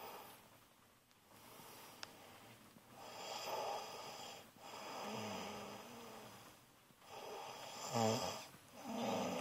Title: Snoring machine